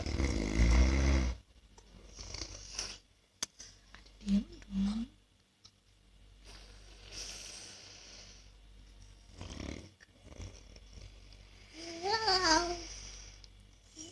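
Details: Self-described habitual snorer, recorded while trying anti-snoring devices: loud, rough snore bursts with pauses between, mixed with other noises; adult snoring during sleep.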